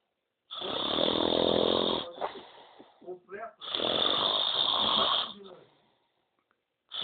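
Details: An adult man, the filmer's father, asleep with loud, harsh snoring: long rattling inspiratory snores separated by quieter breathing, two snores in about seven seconds; snoring.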